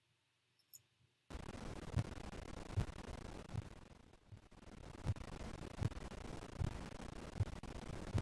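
Stethoscope over the neck in a simulated exam: soft regular pulse thumps, about 77 a minute, over low rumble; no whooshing bruit, a normal carotid.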